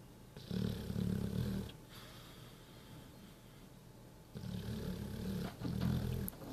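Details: Pitbull dog asleep: low rumbling, fluttering snores on each breath with quiet pauses between; snoring.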